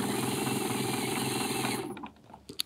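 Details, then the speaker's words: Guided DS PrimeTaper hands-on demonstration on a model with surgical guide, mandibular molar site, for a PrimeTaper EV Ø4.2 x 11 mm implant. The drill whirs to the depth marking, then stops as it is withdrawn. "carefully now start drilling and go to the marking I have decided on that and when I'm through I put a little pressure on the sleeve and go back"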